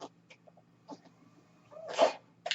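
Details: Mechanical ventilator noise.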